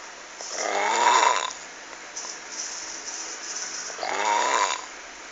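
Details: Frightening snoring recorded on a mobile phone: two very loud, harsh, rattling snores about four seconds apart, with noisy breathing between them.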